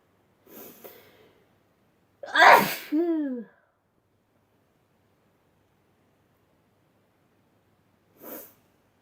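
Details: Sneezing compilation: a sharp inhale, then one loud sneeze with a voiced tail and a fainter burst later; ordinary sneezing.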